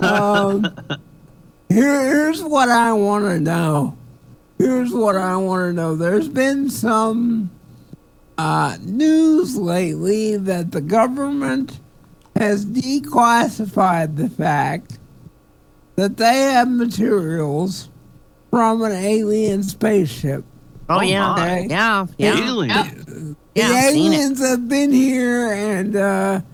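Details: Adult male stand-up comedian with cerebral palsy; real dysarthria due to cerebral palsy.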